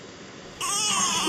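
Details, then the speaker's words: Laryngeal stridor, shown as a key clinical sign of acute upper airway obstruction in a respiratory distress teaching example. "Ese es un estridor laríngeo, ¿sí? Así se escucha."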